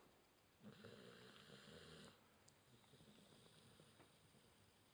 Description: This is a short clip of our Border Collie/Dingo SNORING her ass off in my arms!